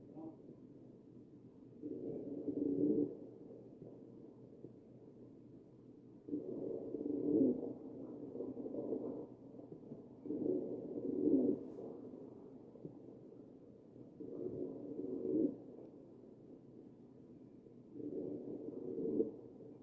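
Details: Wheezing heard over the chest of a patient on a ventilator, recorded from a real patient.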